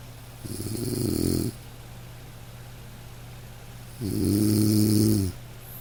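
Two slow, soft rumbling snores from a sleeping dog over light rain; ordinary harmless sleep snoring.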